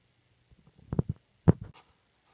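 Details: At 37 weeks of pregnancy: short, deep gurgling rumbles in two clusters, typical of stomach or bowel rumbling.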